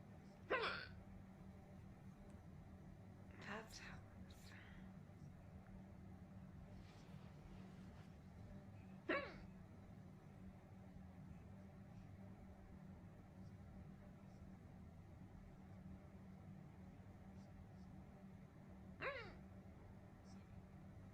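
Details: A woman hiccuping: four sharp, brief catching sounds over about 20 seconds against a steady low engine rumble.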